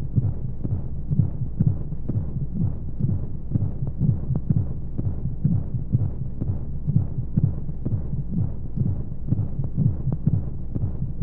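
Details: Womb-sound sleep aid for babies: steady low muffled heartbeat thumps at roughly 125 a minute under a constant hum of flowing noise, like a heartbeat heard from inside the womb, with white noise; heartbeat.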